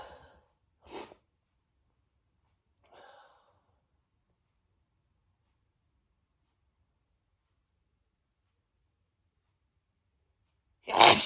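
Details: Man sneezing on himself, described as huge, desperate sneezes; a few short breathy bursts and a sharp, loud sneeze at the end, separated by long silence.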